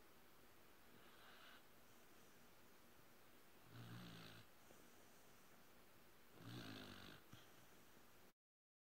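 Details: Stanley, a sleeping beagle, snoring softly and low about every 2.7 seconds over steady background hiss.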